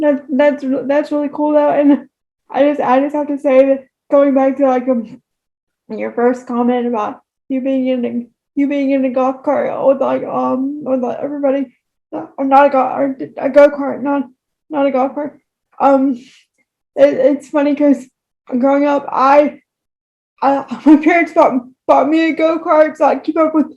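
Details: Woman with moderate to severe cerebral palsy affecting all four limbs and, by her account, her talking; dysarthria (cerebral palsy).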